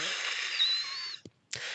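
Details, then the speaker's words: Simulated wheeze: a pulmonologist imitates wheezing, a breathy exhalation carrying a thin, high whistling tone for about a second, illustrating air through a narrowed airway. "But, um, there's a variety of different noises that you make with a variety of different breathing problems. And many people call all of them wheezing when they come into the doctor's office."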